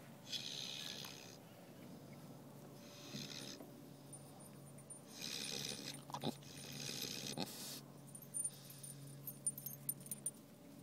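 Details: A sleeping boar napping on a sunny December afternoon, snoring softly and roughly at about four breath cycles in ten seconds, with some clicks and rustling in the background.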